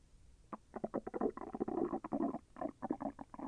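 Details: Digestion sounds from the person's own abdomen, with intestinal movement that was a little painful: rapid bubbling, gurgling stomach rumbles in a continuous run; active bowel sounds (borborygmi).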